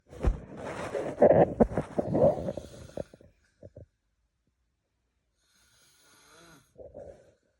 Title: #snoring #husbandwife #everynight 😂😂😂😂😂anyone else can relate this?